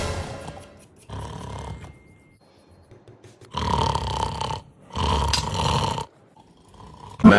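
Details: Comedy short showing an Arab mother snoring.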